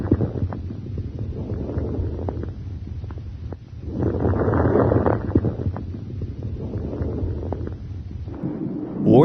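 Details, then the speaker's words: Breath sounds with brief, sharp, high-pitched, discontinuous crackling clicks during inspiration: fine crackles, an abnormal adventitious lung sound. "For example, you may hear crackles during inspiration. These discontinuous sounds may be high-pitched fine crackles"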